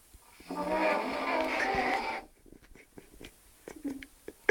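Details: Drunk man passed out outside the toilet gives one long, loud, rattling snore of nearly two seconds, then quiet room noise and soft clicks.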